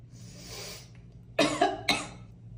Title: sneeze attack